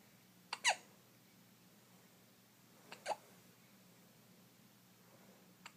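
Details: Baby boy with hiccups, two sharp brief hiccup sounds about two and a half seconds apart with a faint third at the end, in a quiet room; infant hiccups.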